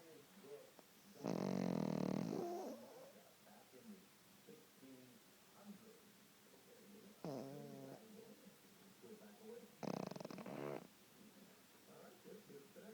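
Three irregular snoring breaths of varying length, one long and rough, over soft room noise: a dog snoring in sleep.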